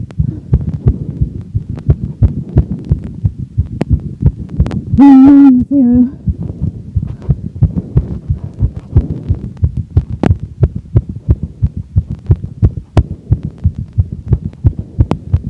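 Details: Woman's heartbeat after exercise, rate from a heart-rate monitor watch: very fast, regular thumps starting at 203 and slowing to 160 beats a minute, faint recording, sinus tachycardia.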